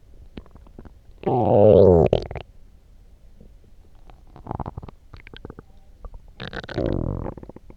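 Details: Stomach growling after drinking coffee: two loud, gurgling growls separated by quieter bubbling sounds (borborygmi).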